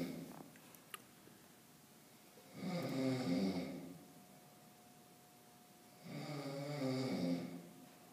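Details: Person asleep in a campus group study room at night: two slow, rumbling snores on in-breaths about seven seconds apart, roughly eight breaths a minute; snoring.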